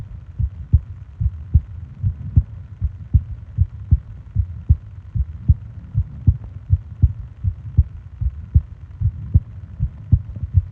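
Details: Sleep ASMR heartbeat and breathing recording: steady, muffled low thumps about 77 a minute over a soft hum; normal heartbeat.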